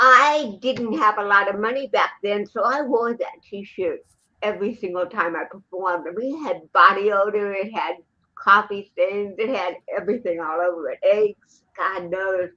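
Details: Dysarthria in a woman with cerebral palsy present since birth in 1956, who also has 75% hearing loss and wears hearing aids; real, not acted, conversational speech.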